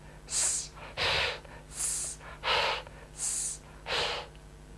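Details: Therapist deliberately imitating a lateral lisp, alternated with a clear s for practice (acted, not a real disorder); lateral lisp.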